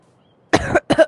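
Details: Two short, harsh cough bursts from a child in a quiet room, recorded while playing a VR game.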